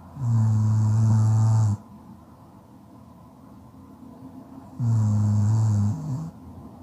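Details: Loud, steady, low-pitched snores on breathing in during sleep: two long snores separated by a quiet pause.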